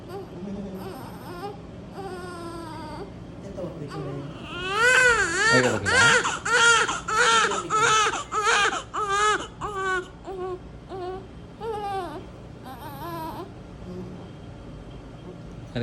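Loud, rhythmic newborn crying in repeated wailing bursts, roughly 95 cries a minute, in a quiet room; a vigorous newborn cry.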